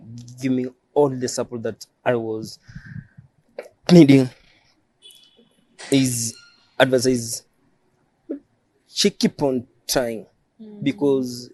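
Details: Adult male who stammers, self-described as neurological and present since birth; stuttering.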